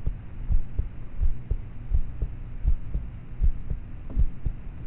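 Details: Self-recorded at night on a cheap MP3 player's built-in mic, at about age thirteen (approximate): soft, muffled low heartbeat thumps around 82 per minute under steady hum, poor quality with loud start/stop noises; normal heart sounds.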